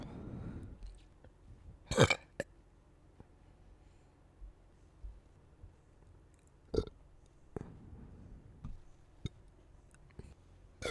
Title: deep burps